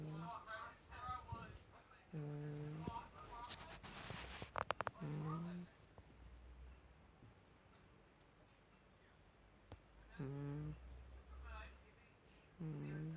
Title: Funny Snoring cat(tonner)